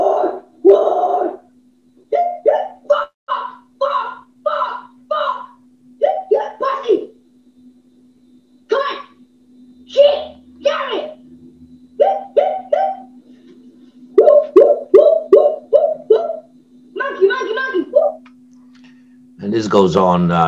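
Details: Patient with Tourette syndrome whose tics go on most of the day; complex phonic tics (coprolalia).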